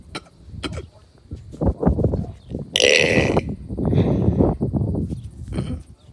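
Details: Burping outdoors in a neighborhood: several loud, low, rumbling belches in a row with a noisy hiss midway; repeated release of swallowed air.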